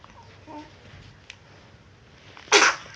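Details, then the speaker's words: Single short, sharp sneeze from a 10-week-1-day-old baby girl over low room noise, one of repeated sneezes; parent wonders about a booger; normal infant sneeze. "what's with the sneezes do you have a boogie yeah boogie let me see"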